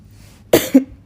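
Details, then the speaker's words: Adult woman with a lingering cough at the tail end of a recent illness: one sharp cough burst followed by a short voiced throat clearing. "UH-UH. UH-UH. I LITERALLY JUST HAD TO CLEAR MY THROAT. God forbid I clear my throat."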